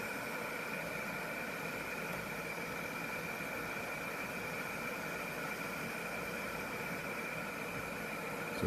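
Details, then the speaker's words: Steady airflow hum and hiss of a recalled Philips CPAP machine running on easy start, with its original sound-abatement foam still in the air chamber. "not my settings or anything here so it's on easy start and these aren't how i had mine set up stairs but that's the sound it makes right now with the foam in it"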